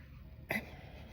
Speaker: Hi. If you're new here, I have a Chiari malformation and one of the stranger side effects is hiccups.